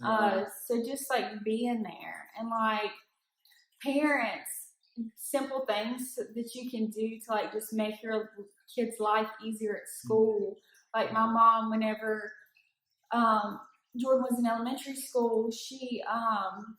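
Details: Adult woman speaking; ordinary speech.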